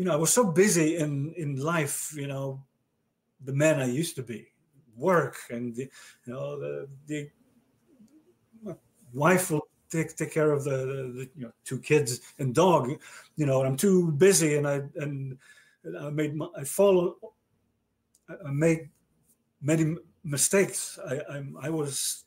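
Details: Adult male stroke survivor with aphasia since a stroke about 30 years earlier, in conversation with word repetitions, fillers and word-finding difficulty; aphasia.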